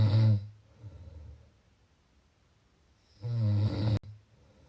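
Two loud, low, rattling snores on the in-breath with a quiet pause between them: snoring.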